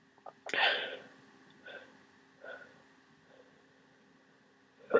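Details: One loud sneeze followed by softer breaths and sniffs over a steady room hum, during a cold.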